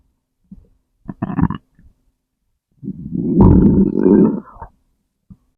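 Short gurgles, then a longer rumbling growl: ordinary stomach growling from gas and fluid moving through the gut.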